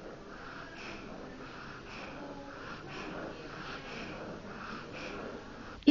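Rapid, rhythmic noisy breaths with a soft whistling edge as the child breathes out; an expiratory wheeze, not stridor.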